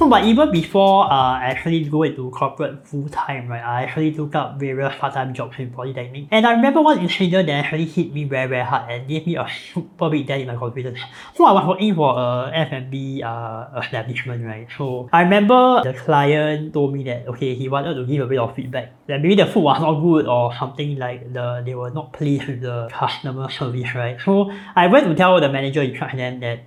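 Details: Adult man born with a cleft (hole between nose and mouth), palate repaired, numerous facial surgeries from age 13, speech impediment since childhood; cleft palate speech.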